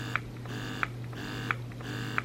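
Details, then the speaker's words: Wearable hands-free electric breast pump (S12), fully charged and running on level 1, its lowest setting: quiet rhythmic motor whirring with soft clicks about every two-thirds of a second. "viene el motor y creo que viene cargado pueden escuchar eso está en el ser y número uno y viene cargada al máximo y así se escuchan"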